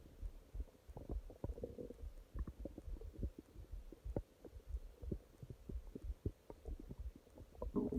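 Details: Adult's stomach growling at night: irregular low gurgles, pops and rumbles, the ordinary bowel sounds of digestion.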